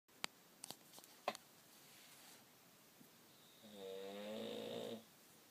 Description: My dad snoring. LOL